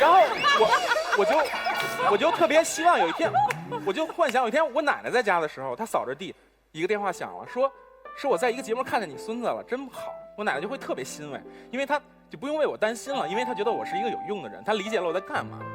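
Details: Male Chinese debate-show contestant for whom stuttering treatment was widely recommended after his appearance on the show; stuttering.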